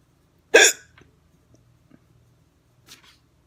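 One sharp, abrupt hiccup followed by faint clicks and soft sounds in a quiet room.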